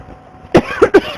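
Three short, sharp bursts in quick succession: a brief run of coughs.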